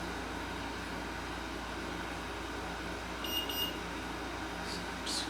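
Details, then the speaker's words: Two short high beeps over room hum as an Omnipod 5 insulin pod signals during insertion; after the two beeps the user presses next on the controller. "insert it in here you'll hear it beep twice"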